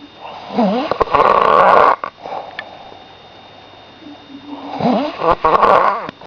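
Loud rattling snores in two long bursts with a quieter breath between, heard close up. Snoring.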